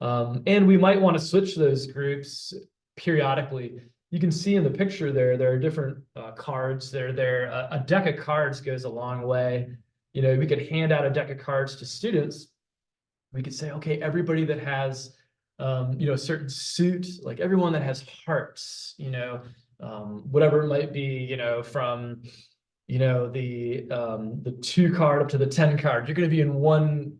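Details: Adult man, a speech-language pathologist who says he stutters and will stutter throughout his presentation; stuttering.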